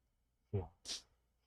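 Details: Patient with right unilateral vocal fold paralysis and medium glottal gap, before hyaluronic acid injection; weak, breathy voice: breathy weak voice from unilateral vocal fold paralysis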